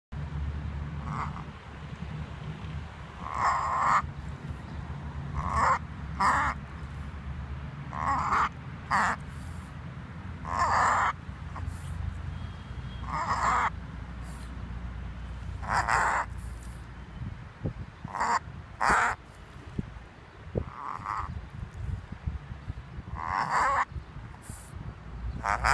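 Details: Tibetan Spaniel reverse sneezing, which the owner likened to an asthma attack: repeated honking, snorting breaths in sharp bursts.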